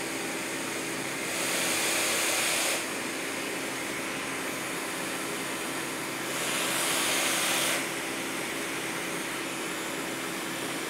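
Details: Quantum PSV 7700 surplus ventilator test-run, air outlet partly taped to simulate an attached patient; steady machine whir with two longer swells of rushing air about five seconds apart as it cycles breaths.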